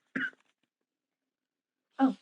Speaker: hello all you can hear me coughing yeah that's like good cuz it's actually um water with some limes in it